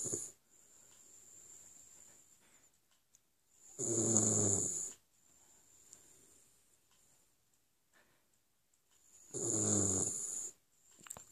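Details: Sleeping West Highland White Terrier snoring: loud rattling snores on each in-breath, roughly 11 a minute, with quiet pauses between.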